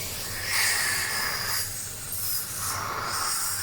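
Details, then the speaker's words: Dental water spray and suction during tooth cleaning of a young girl with small cavities: steady hissing spray with surging rushes of water and air jets. "Just water spray to clean your teeth and your teeth will be super clean."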